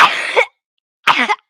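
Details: Two harsh, forceful, rough throaty cough bursts separated by a brief pause from the person recording, who says they feel like they are choking: cough.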